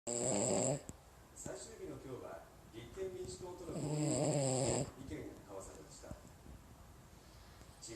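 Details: Cavalier King Charles Spaniel dog sleeping: loud, rattling snores with a soft vibrating noise between them, about 16 a minute; snoring.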